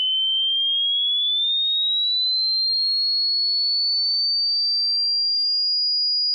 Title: Hearing test